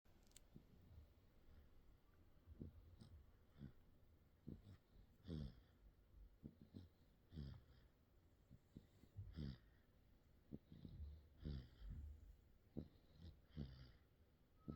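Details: Snoring in a sleeping 55-day-old baby: soft, irregular, low snorting noises with each breath, about 29 a minute.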